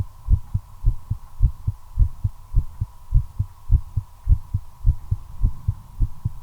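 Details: Steady lub-dub heart sounds at about 105 beats a minute over a faint constant hum, accelerating while smoking a cigarette, attributed to the effect of nicotine: tachycardia.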